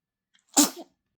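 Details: A single brief, high-pitched infant sneeze with a sharp hissing burst and quick fade; sneeze.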